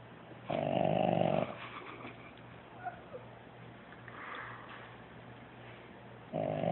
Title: Puppy snoring like a man